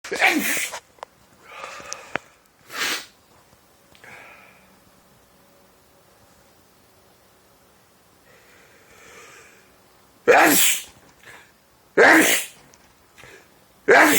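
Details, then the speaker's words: Adult with daily uncontrollable sneezing since 2011, doctor-diagnosed allergies to dust, pollen and trees: several loud, abrupt sneeze bursts with quieter sniffs and breaths between; repeated allergic sneezing. "And that's your daily sneeze."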